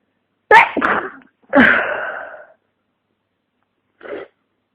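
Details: Two forceful sneezes, the second long and trailing, then a small sniff-like burst; flu-related sneezing with nasal congestion and a pounding head.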